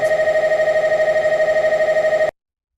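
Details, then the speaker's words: Loud, rapid, tonal buzzing pulses, about twelve a second, likened to a jackhammer, from an MRI scanner running a fast EPI sequence; MRI gradient noise. "So imagine sitting down on the scanner for a cardiac exam of like 1 hour 30 minutes, and you're hearing all this sound. So yeah, so it's really, really, it can be very, very concerning."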